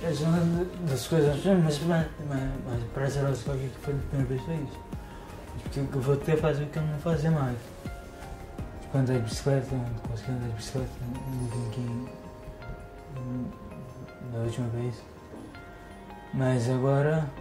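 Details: 35-year-old man with spinocerebellar ataxia type 3 (Machado-Joseph disease), a progressive genetic disease inherited from his father's family, symptoms since 2013, with great difficulty speaking, coordination and balance problems, receiving stem cell treatment; ataxic dysarthria.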